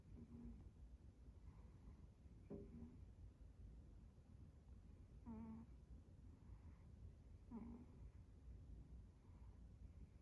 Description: My cat, Fred, snoring while taking a nap.